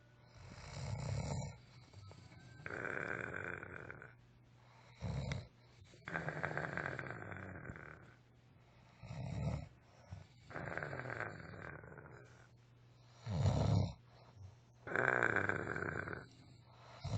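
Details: A friend asleep and snoring: loud, rough snores on each in-breath with shorter grunting out-breaths, roughly every three to four seconds; heavy snoring during sleep.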